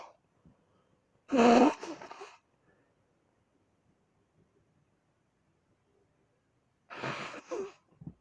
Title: Woke up ready to sneeze